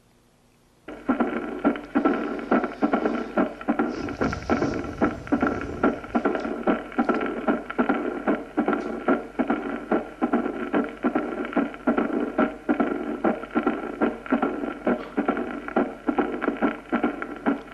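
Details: Mitral stenosis with opening snap and diastolic rumble.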